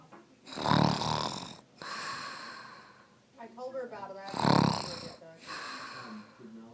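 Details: A person snoring: loud rattling snores with whistling, squeaky breath sounds between them.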